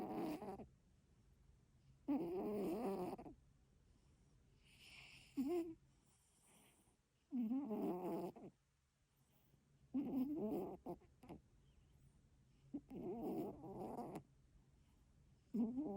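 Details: Cat snoring quietly, with soft rattling breaths repeating irregularly, about 23 a minute.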